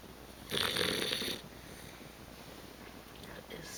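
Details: Female animal or person snoring: a single harsh, noisy snore lasting about one second over quiet room noise; snoring.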